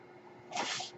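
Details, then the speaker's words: Mechanical ventilator breath cycle from the ventilator of a ventilator-dependent podcaster: a single soft rush of air, about half a second long, delivering one breath. "hello everyone my name is that noise you're hearing is my ventilator and welcome to page-turners"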